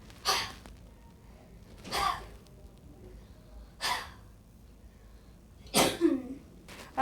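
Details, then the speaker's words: Cystic fibrosis patient (Sam) demonstrating huff coughs after a six-minute cycle of chest wall oscillation vest airway clearance: four to five short, forceful open-mouthed breathy exhalations, spaced a couple of seconds apart. "okay so once the six minutes is up same will give us a good demonstration of what a real half cough looks"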